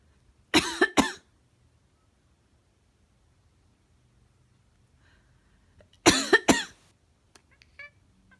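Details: Person coughing or sneezing: two short clusters of sharp, forceful bursts, each a pair of quick coughs or sneezes, followed by faint chirps from a black cat chattering in response; quiet room.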